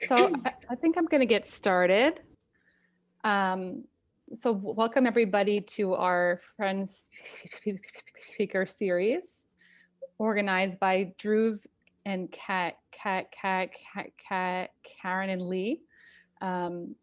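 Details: Stuttering in a person who stutters hosting a stuttering community event; part-word repetitions audible.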